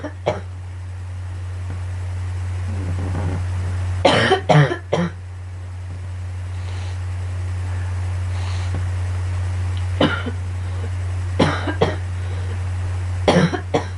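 Several short coughs in small clusters over a steady low hum; a child coughing.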